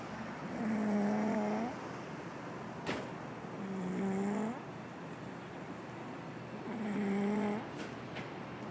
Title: Baby Girl Snoring Loud